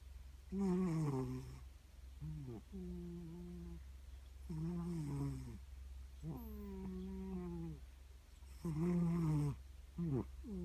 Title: Snoring Cat